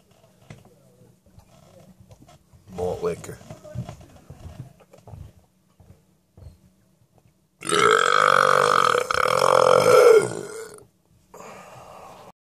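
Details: Burping after drinking malt liquor: pouring and handling sounds, then a long, loud, low rumbling burp of about three seconds, followed by a shorter one.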